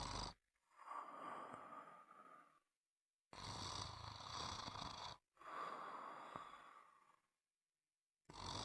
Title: Sound of snoring